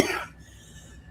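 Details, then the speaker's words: Adult on a live call: a single short, sharp cough burst, then quiet with faint room noise. "Sorry, I'm coughing. I can hear it."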